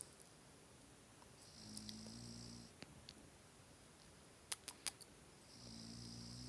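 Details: Sleeping French bulldog snoring: soft, low rumbling snores with hissy airflow and a few clicks, typical of a flat-faced breed.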